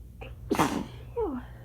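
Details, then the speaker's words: Woman sneezing after accidentally getting shower water up her nose, which burned first; sitting in a towel mid-fit after days/weeks of sneezing: quick inhalation, sharp sneeze, brief voiced sound, low air-conditioner hum. "And so now I'm just sitting here in a towel. Sneezing my head off."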